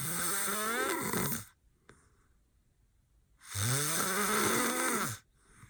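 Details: Two long, loud, vibrating snores with a silent pause between them from a boyfriend passed out in deep sleep with eyes open; hard snoring.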